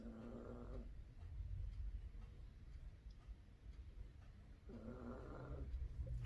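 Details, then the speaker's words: Dog snoring in sleep: two rough, rattling snores about four seconds apart with a steady low rumble of breathing between them. "you're a zl-- snoring little stinker"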